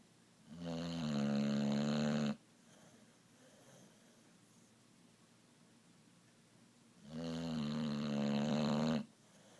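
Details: Boxer dog snoring heavily while asleep: two long, loud, vibrating snores on breathing in, with quiet breathing out between them.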